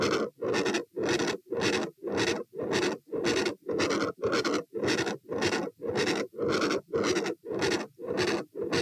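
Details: Continuous machinery murmur heard at the aortic area (position A) with the patient standing: a harsh, rumbling murmur filling most of each beat at about 111/min, absent at position P; aortic window, coarctation, fistula, rupture or PDA considered.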